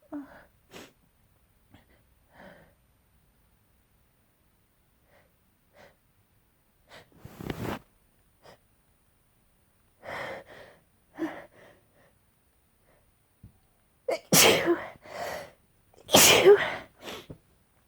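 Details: Sneezing fit: a run of sharp, explosive wet bursts with short breaths between them, loudest near the end; repeated sneezing.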